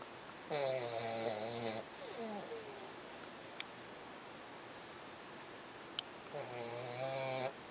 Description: this cute little puppy snores like a trucker!